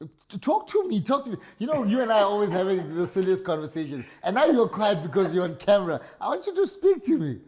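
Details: Adult speaker; normal voice.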